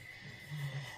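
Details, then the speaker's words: A low, rough snoring rumble from a dog sleeping in its bed after a long walk, against a faint steady room hum; ordinary snoring. "they are now in bed snoring their heads off so um if you can hear snoring it is storm"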